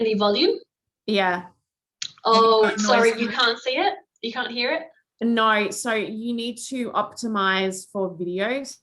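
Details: Adult woman speaking; Normal fluent speech.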